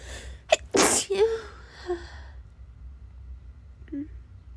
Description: Started sneezing half-awake and you can hear my nose warming up to full strength lol this was rough